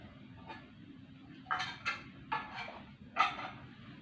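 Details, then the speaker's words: Nursing student demonstration of effective cough training on a male patient: after a deep breath on a count of three, several short, deliberate controlled cough bursts into a tissue in a quiet room. "Bapak silakan tarik nafas. Dalam hitungan ketiga, Bapak batuk seperti tenang."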